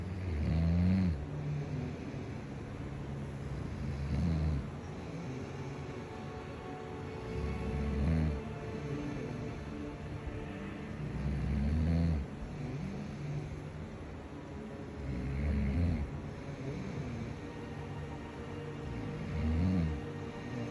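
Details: Person who denies snoring, asleep: low, deep snoring rumbles repeating about 16 times a minute under steady background noise.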